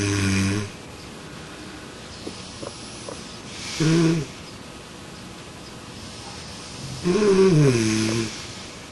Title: Sleep Experiment - Smart Snore Pillow